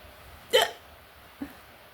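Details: Adult woman with a long bout of hiccups, possibly stress-related she thinks: two abrupt, short gulping sounds, the first louder; hiccups.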